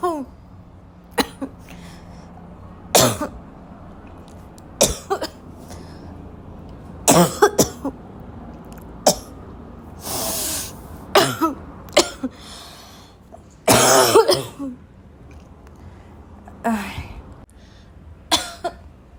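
Repeated harsh, barking coughs with throat clearing and gasping breaths between them; a choking coughing fit.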